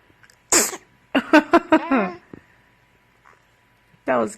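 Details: A sharp, high baby sneeze, followed by several short voiced sounds and a second sneeze-like burst; baby sneezing.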